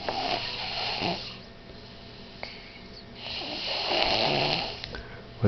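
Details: Young girl sleeping on her bean bag: two loud, rough snores on the in-breath with quiet exhalations between, snoring.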